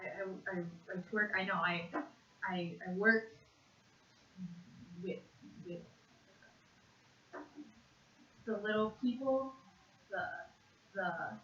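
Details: Conduction aphasia, severe (WAB-R aphasia quotient 49.2), in a 56.5-year-old woman after a single left-hemisphere stroke; family reports jumbled words that worsen with stress.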